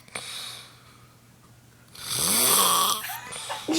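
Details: Mother snoring while asleep in front of the TV: quiet room, then a loud, harsh, rattling snore on the in-breath.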